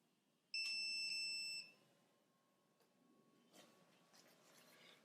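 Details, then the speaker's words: One high-pitched electronic beep about a second long as a waist-worn powered air-purifying respirator (PAPR) is switched on during a nurse's fitting demonstration, then quiet room noise; device start-up beep. "we're going to turn our unit on and you can reach back"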